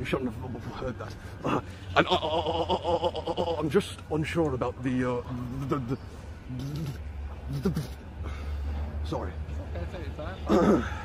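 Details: Speaker with word repetitions and filled pauses; stuttering.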